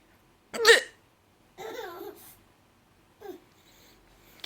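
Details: Grandma's sudden sharp hiccup gulps set off a baby's laughing vocal sounds, followed by a softer voiced catch; hiccups.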